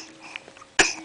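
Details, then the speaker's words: One short, sharp cough from a young child in a quiet room; the child reportedly has a cold. "oh do you have a cough do you have a small cloth huh"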